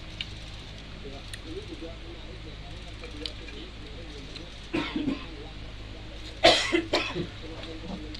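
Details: Cough heard during a casual vlog with background talking.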